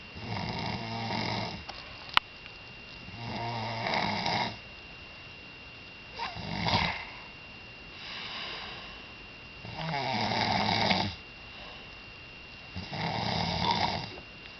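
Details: Five loud, rattling snores on in-breaths, about one every three seconds, roughly 20 a minute, with quiet pauses between; snoring.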